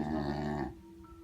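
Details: A father snoring loudly, described as sounding like a helicopter.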